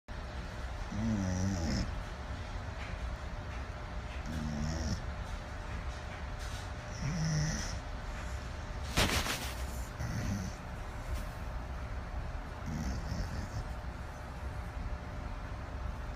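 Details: A sleeping 12-year-old Shar Pei dog snoring: rhythmic low, rumbling snores with each breath, about 20 a minute, over steady room noise.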